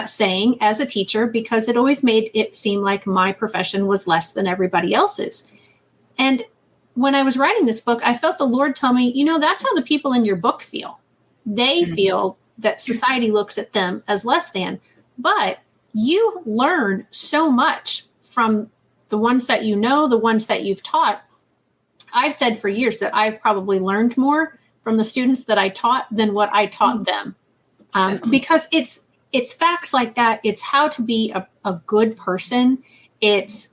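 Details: Adult woman; normal speech.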